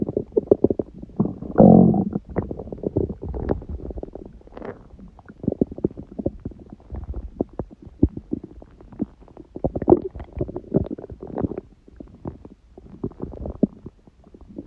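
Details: Stomach growling recorded at 1:30 after waking, following an overlarge udon dinner at 19:30; the owner suspects a reaction to gluten eaten after a long break. Irregular gurgling, bubbling and rumbling over several seconds: borborygmi.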